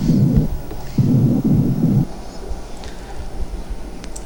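Three muffled low drum-like bursts through the stethoscope as whispered words; nothing intelligible, the normal finding over healthy lung.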